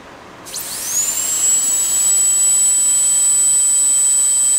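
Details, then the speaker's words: Midwest Traditions high-speed dental handpiece running during an airflow test, with a reading of about 24: a whine quickly spins up to a steady, very high-pitched tone. "So, now we'll start uh doing some high-speed hand pieces. First hand piece we'll do is a Midwest Traditions."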